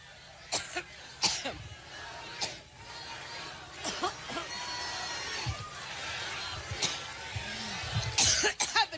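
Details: Adult woman's prolonged coughing fit during a speech at a campaign stop, about eight sharp coughs in irregular bursts over nine seconds with crowd noise; possibly coughing up tissue, as alleged.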